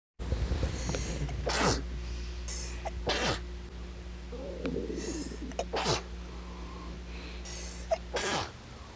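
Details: Four sharp sneezes, each a quick inhale then an explosive burst, over a steady low hum; sneezing.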